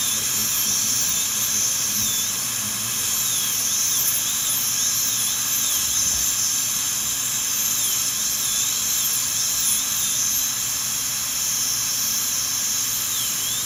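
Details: Steady high-pitched high-speed dental drill whine with brief pitch dips under load and room hum, during initial rough reduction of teeth #7 and #8 for porcelain veneers with lingual chamfer margins.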